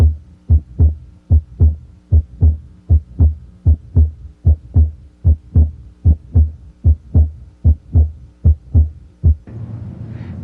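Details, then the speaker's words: Normal heart sounds with the stethoscope diaphragm at the right second intercostal space beside the sternum (aortic area): regular S1 and S2 at about 75–80 beats a minute, no extra sounds. "begin listening at the right side second inter space close to the sternum note the cardiac rate and Rhythm identify the first and second heart sounds and listen for extra heart sounds and"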